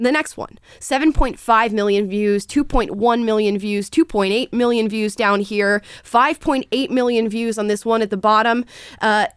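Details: Adult speaker; Normal speech.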